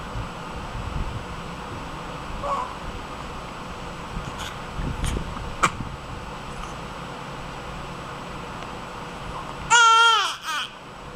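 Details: Baby during burping: after a stretch of room noise, a brief, high-pitched wailing cry lasting about a second; infant cry.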